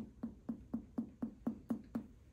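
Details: Eight evenly spaced, hollow, drum-like taps from finger percussion at the left 6th intercostal space, one rib space below the point of maximal impulse, during an abdominal exam: tympanic note over the gastric bubble.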